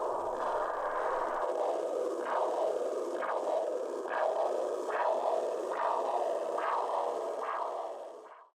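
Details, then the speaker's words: Carotid artery Doppler with a handheld McKesson Doppler: regular whooshing arterial pulse about 70/min over steady hiss, confirming a pulse. "if we want to kind of do a final check to make sure that we're not in a state of pseudo pea where the person's heart is beating but not producing a very strong blood pressure we can doer the cored artery to get secondary confirmation"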